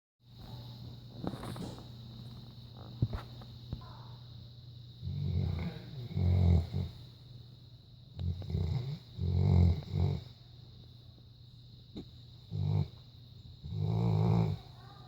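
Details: Snoring from a sleeping dog: deep, rumbling snores in repeated bursts with pauses between, and a steady high hum in the background.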